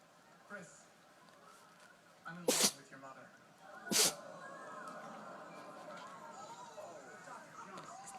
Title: Dog sneezing